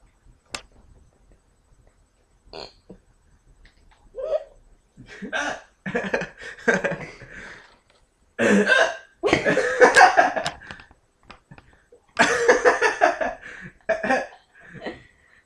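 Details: Person with ongoing hiccups who says they feel like throwing up while being recorded by their mom: repeated abrupt throaty gulps and sharp bursts at irregular intervals, several in close succession; hiccups.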